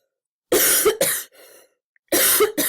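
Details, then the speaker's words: Cough from an adult: two harsh coughing bursts separated by a brief quiet pause, with a faint breath between. "of this recording maybe me coughing you're welcome"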